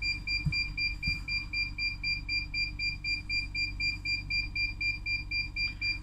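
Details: Rapid, even high-pitched beeps, about four a second, over a steady low hum: a 5-litre home oxygen concentrator beeping while its button is held to display oxygen output.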